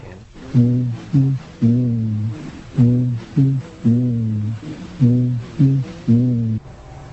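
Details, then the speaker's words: Patient saying "ninety-nine" during chest auscultation: the voice is transmitted louder and clearer than normal, which is bronchophony, a sign of airless lung. "voice sounds that are louder and clearer than normal as in this example are called bronchophony"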